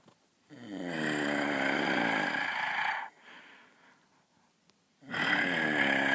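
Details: A sleeping person at a beach house, jokingly likened to a hibernating bear, with music: loud, drawn-out, rumbling snore with a deep buzzing tone, a pause, then the next snore begins; staged comedic snoring.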